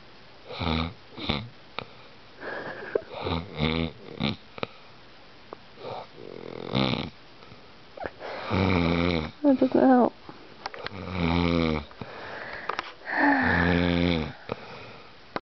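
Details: Male snoring in sleep, in the dark, with his nose plugged: loud, rattling snores with a rough fluttering quality, recurring irregularly with quieter breaths between.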